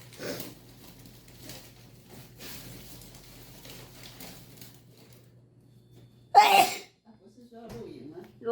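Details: During a self-administered nasal swab Covid test, quiet talking and rustling, then one sudden loud sneeze triggered by the swab; a sneeze.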